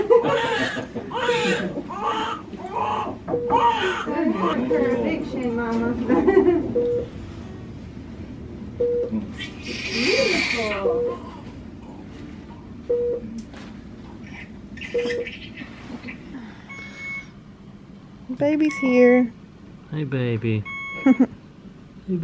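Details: Newborn baby girl, smaller than expected but healthy, just after vaginal delivery in hospital: short, strong vigorous first cries mixed with adult voices, monitor beeps and room noise; normal newborn cry.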